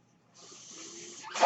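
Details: A soft, steady rush of air rises after a brief silence and lasts about a second, the breath delivery of a podcast host's mechanical ventilator heard during speech.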